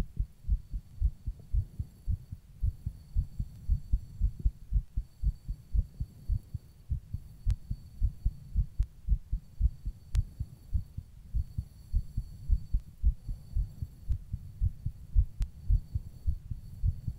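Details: Own heartbeat recorded while rebreathing in a plastic bag: steady low thumping at about 110 per minute, mildly fast, with faint background hum.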